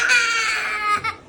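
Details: Crying baby boy, upset because he wants a fish taken out of a toy ball: one sustained, strained wail followed by a brief shorter cry.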